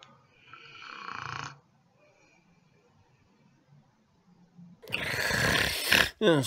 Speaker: Snoring. It's not just annoying and funny anymore. It can also be fatal. Snoring is a sign of sleep apnea, an underlying medical condition many men and women develop as they age that causes their airway to be obstructed during sleep.